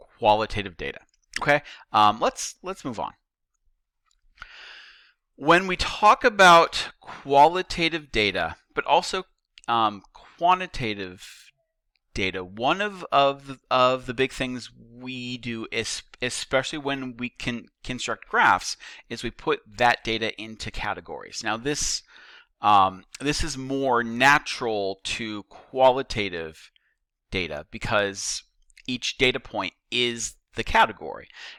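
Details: Stuttering in a male teacher who says he stutters; he notes that the repetitions heard are his own stuttering, not video buffering.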